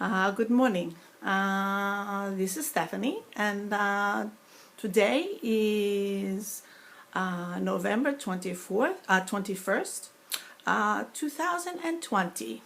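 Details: Woman with foreign accent syndrome after a 2012 stroke; sounds Russian or Greek rather than New York, drops words, word-finding pauses, worse when tired, stressed, migrainous, dry-mouthed or speaking slowly; foreign accent syndrome.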